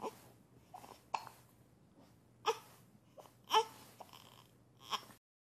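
Brief catching hiccup sounds from an infant, some with small whimpering cry, repeating irregularly about once a second in a quiet room.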